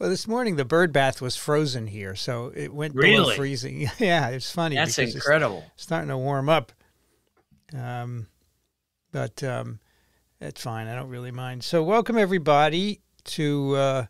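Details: Adult man speaking; Normal voice.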